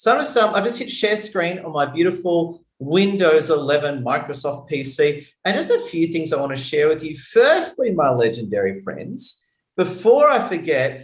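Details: Adult man speaking; normal speech.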